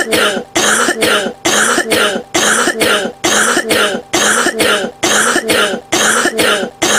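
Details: A person coughing.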